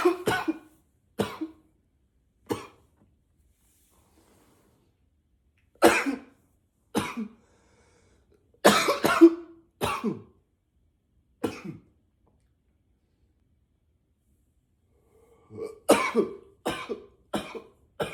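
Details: Acted (simulated) unstoppable coughing spell while trying to be quiet: about a dozen forceful coughs in clusters with silent gaps, muffled into a pillow, final run louder and freer; coughing fit.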